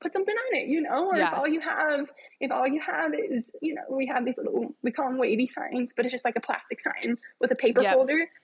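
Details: Adult woman with spasmodic dysphonia, which she describes as a vocal cord spasm affecting her speech, heard in a podcast interview.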